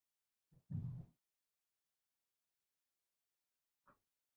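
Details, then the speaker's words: Sleeping baby snoring on a lap: single soft, low snorting breath, then near silence with a faint brief click. "There's a snoring baby on my lap, so that's what that sound is."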